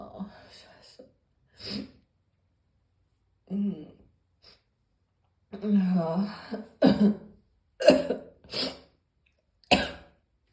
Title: Morning Cough